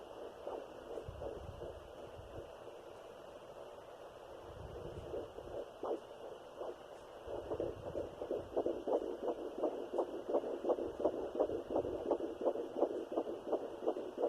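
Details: A fetal heartbeat at 12 weeks of a third pregnancy, after two miscarriages, on a Sonoline B fetal Doppler with a 3 MHz probe: fast, regular whooshing beats at about 170 a minute.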